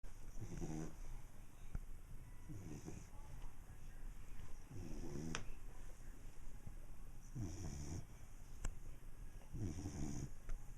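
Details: Five low, rattling snores at a steady rhythm of about 26 breaths a minute over a constant background hum; snoring.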